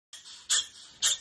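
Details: Otter cough: two quick, sharp, hissing coughs from a small otter about half a second apart, with breathy sounds between.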